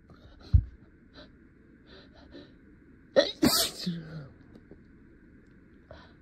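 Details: Acted sneeze with sharp inhaled build-up and loud burst interrupting quiet speech, in a simulated roleplay of a stuffy lawyer trying to hold back sneezes while addressing a court.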